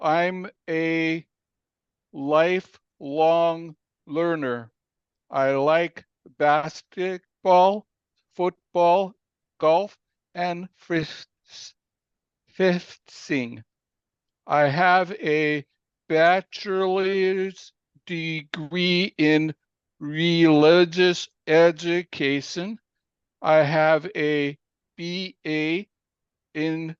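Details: Aphasia following a stroke in April 2019 that came after a cardiac arrest, in an adult man telling his story with a story coach's support; aphasia.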